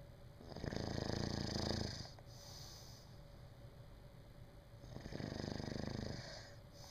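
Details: Snoring during sleep: two loud, rough, fluttering inhaled snores separated by a quieter exhale.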